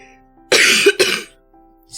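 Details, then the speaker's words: Adult recovering from an illness, clearing mucus every morning, cough said to sound like a smoker's: two quick, harsh coughs in close succession over soft background music; cough. "I feel like every day I wake up and I have to like clear out um all of my mucus. I'm just a booger bear."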